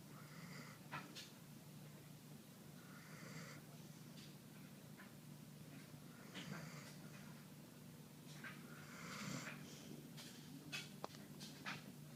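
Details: A sleeping Siberian Husky dog snoring.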